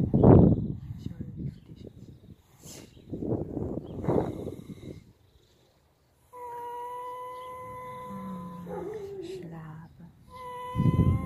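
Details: Horses snoring while lying at rest: low, rumbling snoring breaths, with a sustained high whining tone in the background partway through.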